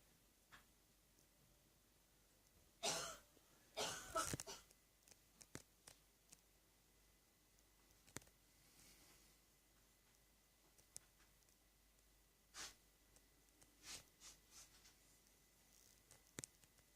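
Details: Productive cough in a 61-year-old non-smoking woman with morning catarrh: a few loose, harsh coughs and throat clearing.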